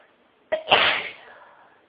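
A single sneeze: a quick catching breath, then a sharp burst of air that trails off.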